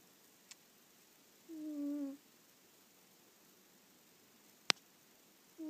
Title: Fozzy the cat snoring on my lap!